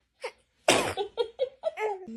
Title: Baby sneezing is so cute #baby #foryou #funny #funnyvideo